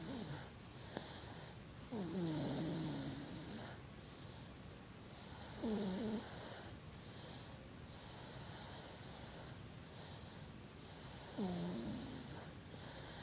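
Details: A 7½-month-old baby boy snoring while asleep in soft rhythmic bursts, some breaths with a slightly whistling, wheezy tone.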